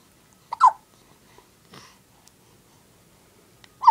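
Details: Recurrent hiccups, subject not seeming distressed: two sharp, short voiced catches a few seconds apart in a quiet room.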